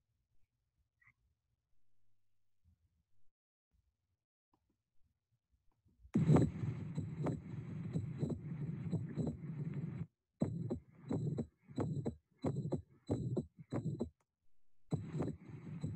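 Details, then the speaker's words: Mitral valve prolapse mid-systolic click through a stethoscope, click shifting in timing with standing and squatting. "please listen carefully to the click sound during standing and squatting"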